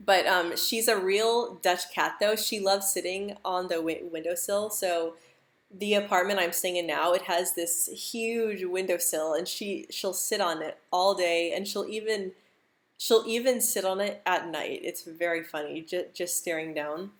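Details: Adult woman who stutters, speaking live; she reports stuttering a lot more during a stressful period around a move; stuttering.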